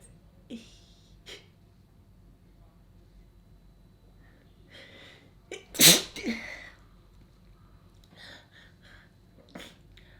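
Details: A single sharp, explosive sneeze against a quiet background with a few faint small sounds; sneeze.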